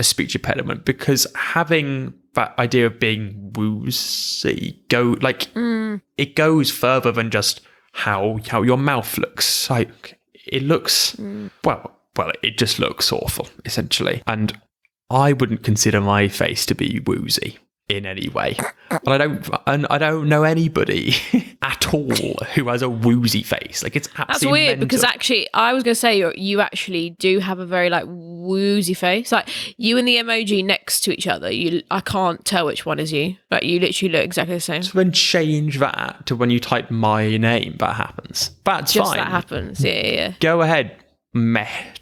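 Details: Adult who stammers, in conversational speech; stammering.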